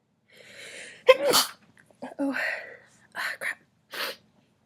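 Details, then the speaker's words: Acted scene of a girl trying to hold in a sneeze from a badly tickling nose: stifled build-up with breathy intake, a sharp sneeze burst, short huffs, then a second smaller sneeze. "Uhoh. I have to sneeze again. I have to sneeze. Uhoh. Crap. Oh god, my nose tickles so badly."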